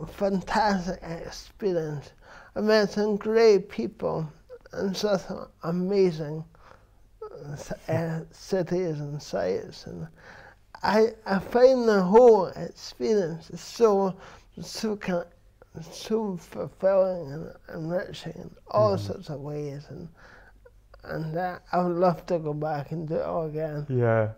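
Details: Adult man with dysarthria from cerebral palsy present since birth, which he says affects his verbal communication, balance and coordination.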